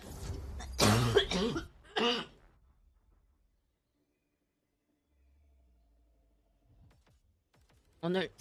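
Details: Coughing from a Korean game streamer near the end of a 12-hour stream, who complains the cough is ruining life: a few loud coughs at the start, then quiet, then another cough at the end.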